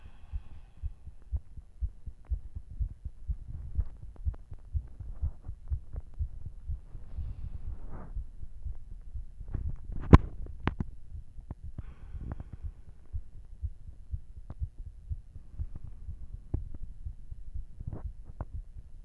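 Rapid, forceful low thumps of a heartbeat, with a low hum behind them; a strong, fast beat after exercise.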